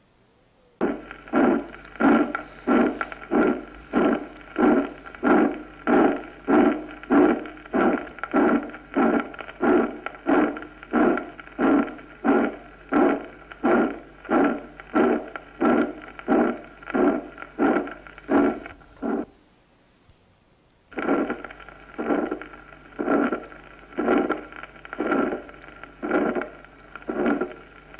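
Regular heartbeat near 92 a minute, each beat carrying a harsh, rough systolic murmur; two examples separated by a brief pause. Aortic stenosis murmur.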